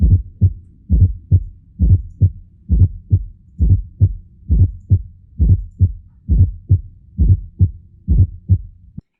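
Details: Fourth heart sound (S4 gallop): S1 and S2 followed by an extra sound during diastolic ventricular filling, giving a "tum-tum-ta" rhythm.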